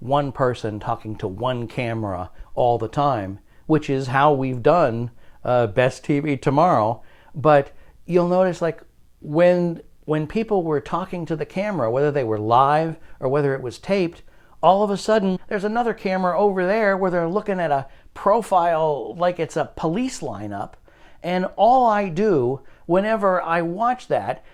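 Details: Adult male speaker; normal speech.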